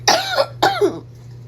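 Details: Adult still coughing after a recent illness that left them barely able to breathe from coughing: two harsh, wet-edged coughs in quick succession over a steady low hum; cough.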